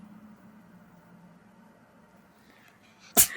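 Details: Pet cat sneezes onto its owner, leaving mucus: a single sharp, hissing sneeze after quiet room sound.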